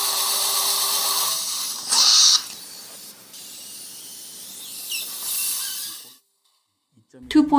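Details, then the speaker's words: 64-year-old mildly diabetic male, immediate implant at tooth #25 after extraction: high hissing whine of a twist drill with water irrigation, briefly rising in pitch then stopping, drilling toward the sinus floor. "Twisted drill is going to be used for drilling sinus floor is going to be slightly penetrated"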